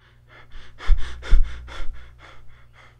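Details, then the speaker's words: Imitated Cheyne-Stokes respiration, linked to cardiac damage: breathing gradually swells from quiet to deep, then gradually fades, with periods of apnea before and after. "it's similar to buttes breathing pattern because they're both preceded and followed by a period of apnea however change tox pattern is gradual increase followed by gradual decrease and here is how it sounds like"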